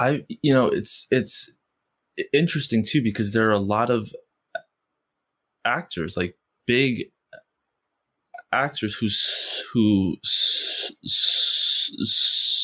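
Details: Stuttering in an adult man who has stuttered since first grade and stutters most when asking people for things or saying something important.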